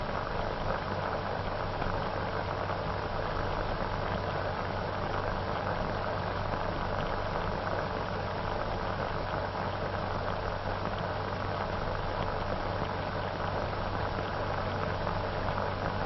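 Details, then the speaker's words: Early heart-lung machine (autojektor, 1930s Bryukhonenko experiment) running on a dog ten minutes after death: steady mechanical hum and churning as artificial circulation replaces heart and lungs and gradually induces the heart to beat again. "the artificial blood circulation gradually induces the heart to start beating again"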